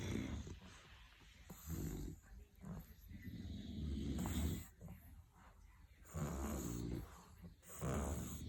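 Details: Several sleeping bulldogs: overlapping low snorting and rumbling breaths, irregular and noisy, over room hiss; snoring dogs.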